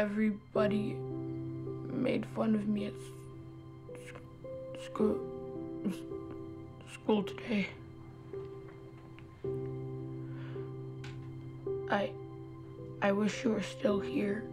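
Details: Acted portrayal: 11-year-old boy character ridiculed for a speech impediment, says he repeats words and stammers even when not nervous; stuttering.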